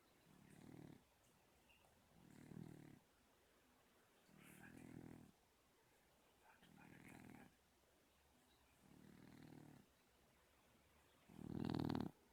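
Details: Soft rhythmic snores from a sleeping cat, about six in twelve seconds, ending with a louder snore; ordinary snoring.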